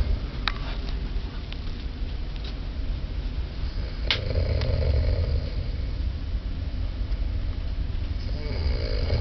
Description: Aboard a Carnival Cruise. snores while Woo goes to the bathroom.